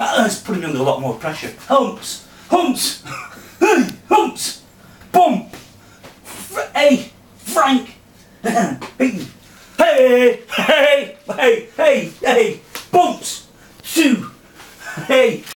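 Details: 46-year-old man with Tourette syndrome; a small motor tic developed into full-blown Tourette's after trauma in March 2009; repeated vocal tics such as "hey" and "bumps"; tics later progressed to loud outbursts of inappropriate language.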